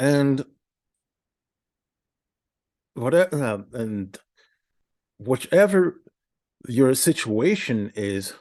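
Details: Adult man with a speech impediment for about a decade, attending therapy at the Institute for Stuttering Treatment and Research: stuttering.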